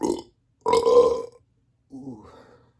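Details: Three belches from a person reporting mild bloating: a short one, a long, loud, deep-toned one, then a softer, rougher one.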